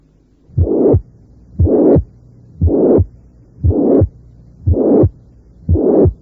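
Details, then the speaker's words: Mitral regurgitation teaching recording with the murmur loudest at the apex: regular heartbeat of about 59/min with a crescendo systolic murmur starting faint and building up to the second sound. "así el soplo puede ser por ciento es decir iniciarse en forma débil y aumentar de intensidad hasta el segundo ruido figura 3"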